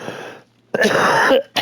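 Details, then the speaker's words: Adult nonsmoker exposed to neighbours' smoke, who says a growth has reached the airways and causes coughing every morning and night: a harsh, rough throat-clearing, a brief pause, then a forceful raspy cough burst. "As you can hear me coughing my [ __ ] guts up."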